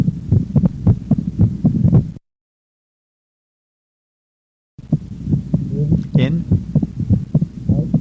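Repeated low heart sounds come in close pairs, with a silent gap midway. The second sound splits into two parts on breathing in and merges into one on breathing out. This is physiological splitting, a normal finding.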